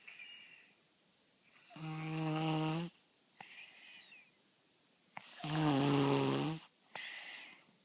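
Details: Four-year-old dog snoring "like an old man": loud, buzzing snores on each in-breath with softer whistling out-breaths, about 17 breaths a minute, in a quiet room; snoring.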